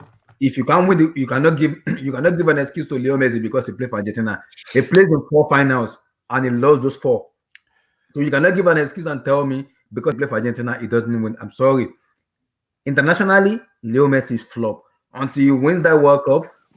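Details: Adult man; ordinary speech.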